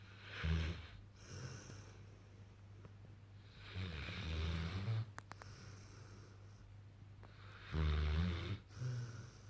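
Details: Sleeping St Bernard/mastiff puppy snoring with tongue hanging out: low, rumbling, irregular snores with snorty breaths, roughly 15 a minute.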